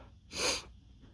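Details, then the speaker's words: Male with dust allergies flaring at a dusty workplace; a single short, hissing, explosive allergic sneeze against quiet room noise. "ah oh my God huh it's coming again huh my goodness it's so strong today"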